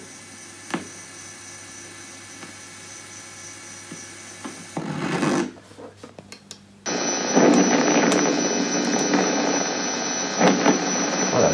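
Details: Laryngeal EMG in laryngeal dystonia: crackling electrical static with a roughly normal 300 ms burst followed by a second burst, total duration exceeding 300 ms.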